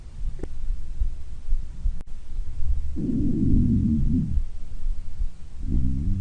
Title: stomach growling